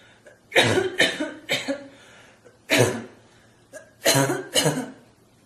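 An adult gives six harsh, deep coughs in pairs and singles, a forced imitation of a barking cough.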